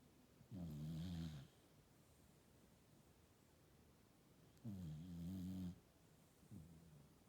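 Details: Sheep asleep: low, rumbling, vibrating breaths about one second long separated by quiet pauses; snoring.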